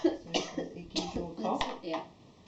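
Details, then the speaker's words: A few short, soft dry coughs with breathy throat sounds in an adult with a recurring respiratory cough set off by air conditioning, foods or stress, after flu or cold; chest feels heavy, smothering, slightly breathless, with a tickle and coughing on breathing out. "I can I can breathe fully but it's this this constant sort of tickle and discomfort it's like a tickle and then then I have to cough when I breathe out"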